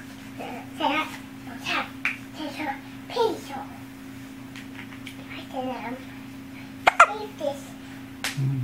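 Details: Young child with hiccups while sleepy: soft sleepy vocal sounds with a few sudden, sharp, brief catches of breath, over quiet room noise.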